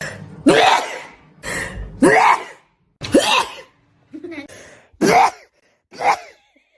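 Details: A young Asian woman, described as a severe rhinitis sufferer, gives a run of about six abrupt, forceful sneezes, each followed by a short pause, in a quiet room; sneezing.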